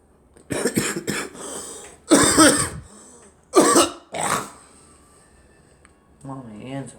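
Several rough cough bursts and throat-clearing sounds from more than one person, with brief voiced sounds at the end; repeated coughing.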